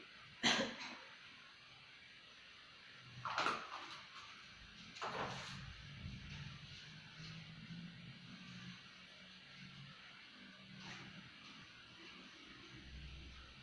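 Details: Three forceful single coughs spaced a few seconds apart, then quiet breathing: an adult woman patient practicing the effective cough technique, after drinking warm water, to clear airway secretions and bring up sputum.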